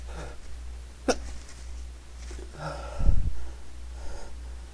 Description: trying, not succeeding, to be quiet